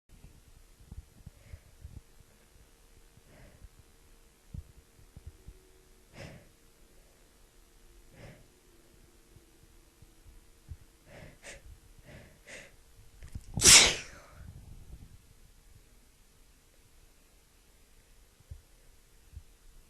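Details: Woman sick with a head cold: quiet sniffs and short breaths build to one loud, harsh sneeze, then quiet breathing; sneeze.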